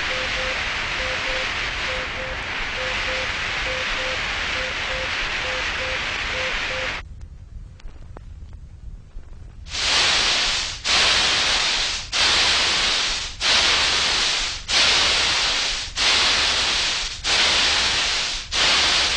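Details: Synthesized tinnitus simulation made with an electronic music synthesizer (Royal National Institute for the Deaf research, 1970s record), representing sounds patients with moderate to very loud tinnitus hear continually inside the head: tinnitus simulation.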